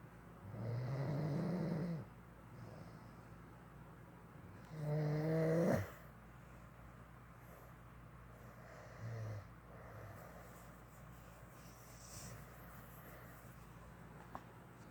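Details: Man (boyfriend) snoring: loud, low rattling snores on two breaths, then a softer third, about 15 a minute, with quiet room hum between.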